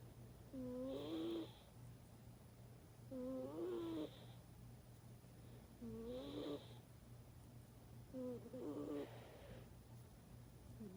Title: He’s still snoring